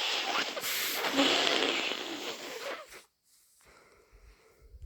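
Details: Two messy sneezes and snotty nose blows from a person with a heavy cold and severe nasal congestion; sneeze.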